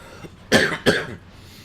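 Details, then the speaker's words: Adult with a lingering cough almost 3 weeks after being sick: two sharp cough bursts. "And as you can hear, I still have a bit of a cough. It's been almost 3 weeks now since I've been sick, and I still cannot get rid of the damn cough."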